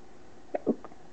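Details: A brief catch followed by a short voiced gulp and a faint after-sound, a single hiccup from a baby boy who gets hiccups almost every day; hiccups.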